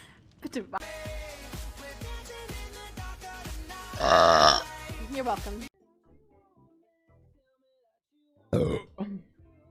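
A loud, drawn-out voiced burp over background music, then a shorter burp after a quiet pause.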